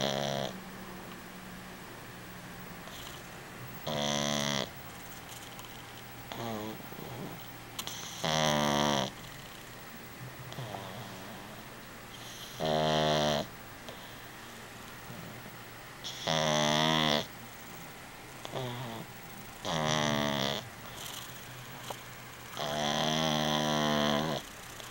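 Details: Sleeping pet snoring: repeated rough, buzzing snores about sixteen a minute with quiet pauses between.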